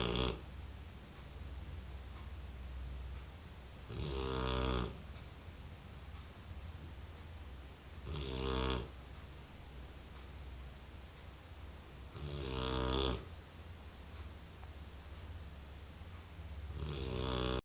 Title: Snoring dog